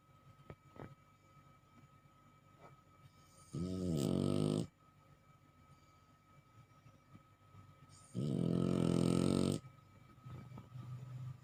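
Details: Sleeping bulldog snoring: two loud, rattling snores about four seconds apart with quiet breathing between. Snoring in dogs occurs when airflow is restricted in the nasal passages or throat.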